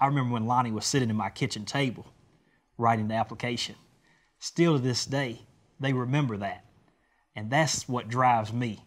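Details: Adult man speaking; normal voice.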